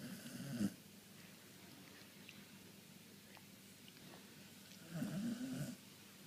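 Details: Sleeping dog snoring with eyes wide open, loud enough to keep the owner up and wake another dog; two low, rattling snores about four seconds apart with quiet breathing between.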